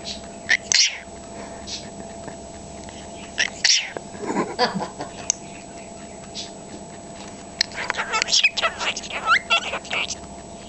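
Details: Woody sneezing for the first time, as first seen by the owners: two sharp, high-pitched sneezes mixed with squeaky chattering sounds.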